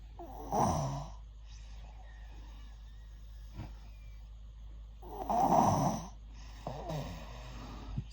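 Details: 5-year-old child snoring during sleep; the parent says it is getting worse and doubts it is normal at that age. Two loud rattling snorts with a softer noisy breath between, at irregular spacing.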